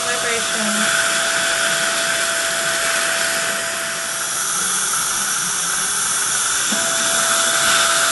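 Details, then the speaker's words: Implant drill with water irrigation preparing the osteotomy for an immediate Zimmer tapered screw-vent implant after extraction of tooth number nine (failing endo or fracture): a steady high-pitched whine with hissing water spray throughout. "Got an ovape on it going in there. Bunch of water and vibration."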